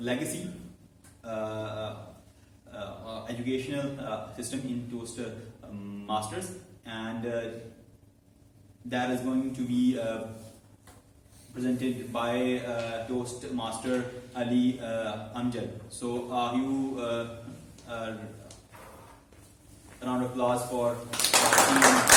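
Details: Adult man who stammers, about eight to nine months into a stammering support speaking club and has learned to accept it, hosting a live club meeting; stuttering.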